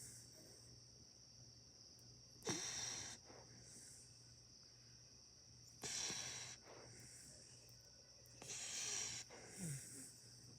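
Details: Snoring: three airy, hissing breath sounds with faint whistling, about 20 a minute, over a steady high-pitched background tone.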